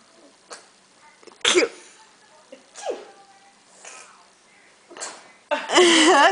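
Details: Young child doing playful fake sneezes on request: several short, sharp bursts followed by a voiced squeal or laugh.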